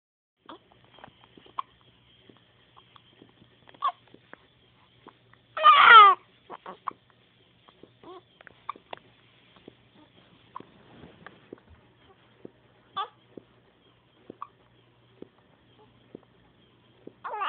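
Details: Infant girl, apparently scared by her hiccups: soft, abrupt hiccup sounds recurring irregularly, with one brief fussy cry in between.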